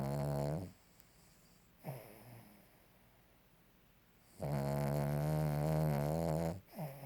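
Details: Sleeping dog snoring: long, buzzing, fluttering snores with quiet pauses between, about one breath every four seconds.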